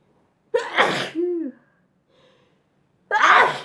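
Two sharp, explosive sneezes, the first followed by a short rising-falling vocal sound; sneezing.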